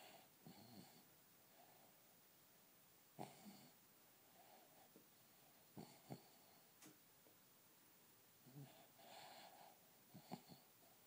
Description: This is my adorable 4 year old beagle rat terrier mix really snoring hard!!